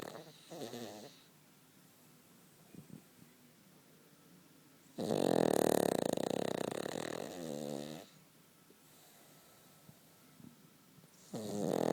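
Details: A Cavalier dog sleeping comfortably between its owner's legs gives loud, rough, rasping snores, about three over twelve seconds, with quiet pauses between.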